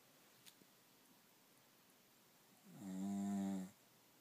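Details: A single drawn-out, low, humming snore lasting about a second in a quiet room, from a sleeper wearing a "cone of shame" collar; snoring.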